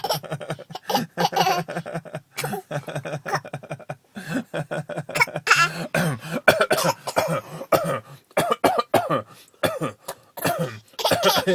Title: Laughing and Coughing